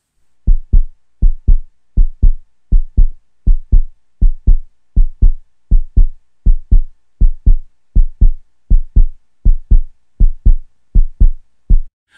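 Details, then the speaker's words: Heartbeat played to demonstrate a steady, regular pulse; even lub-dub heart sounds at about 80 beats a minute, a normal regular heartbeat. "escuchemos por unos segundos los latidos del corazón para comprobar estas características"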